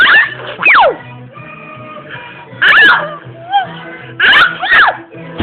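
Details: A 17-month-old toddler girl playfully sneezes on demand: three sharp, voiced 'achoo'-like bursts with falling pitch over soft background music.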